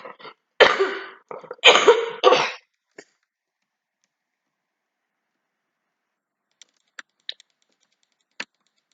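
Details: Cough.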